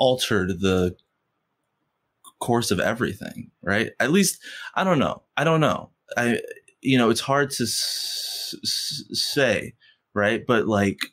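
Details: Stuttering in an adult man who has stuttered since first grade; he stutters most when asking for things or saying something important.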